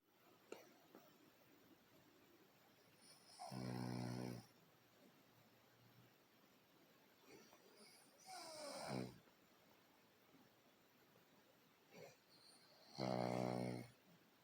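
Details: Three loud, rattling snores with quiet gaps of roughly four to five seconds, in a quiet room; the snorer is called "baby boy" and may be one of the mother's dachshunds; snoring.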